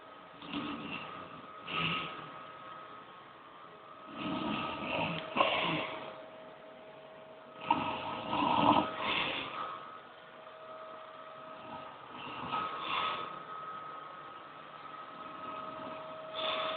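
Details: Snoring: rough, rattling snore bursts recurring every few seconds with quiet gaps between, over a steady background hum.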